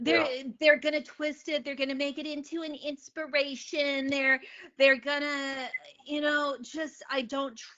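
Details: Adult woman who stutters, a comedian, speaking in a podcast conversation about stuttering; stuttering.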